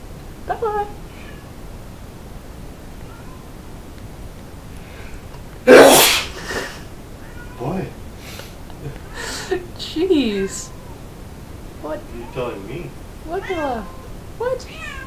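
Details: Cat Popsie, sounding stuffed up, in a repeated sneezing fit (4 or 5 sneezes before filming); one sharp sneeze followed by smaller snorts and meows, with a person talking in the background.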